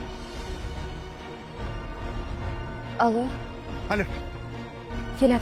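Three abrupt, harsh acted coughs over background music, portraying coughing during an asthma attack.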